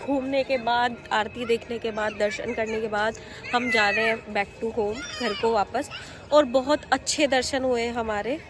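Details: Adult speaker; normal voice.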